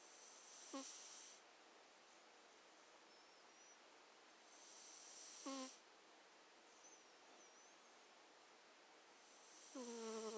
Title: 4 minutes of my cat Cersei snoring/sleeping cutely